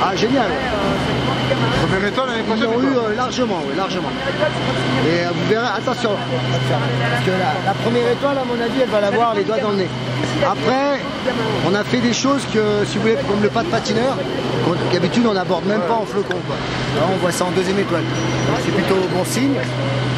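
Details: Adult speaker outdoors; normal voice.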